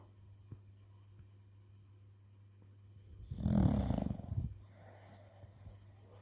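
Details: Pocket American Bully dog sleeping soundly and snoring: one loud, low, rumbling snore on a single breath between quiet stretches, with a faint room hum.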